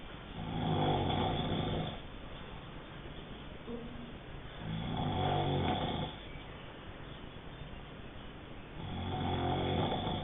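Loud rattling snores on each breath in, about every four seconds, roughly 15 a minute, with quiet breathing out between.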